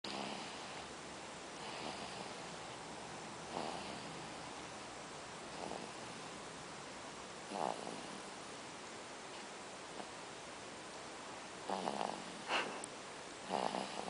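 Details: Sleeping infant about 7 weeks old snoring faintly and softly, snores recurring roughly every two seconds over a hissy background: infant snoring.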